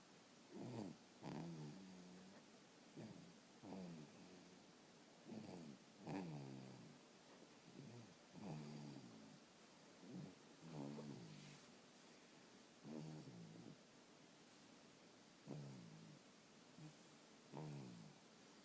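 Soft, irregular snoring sounds from a sleeping dog, about 13 a minute; ordinary snoring in deep sleep.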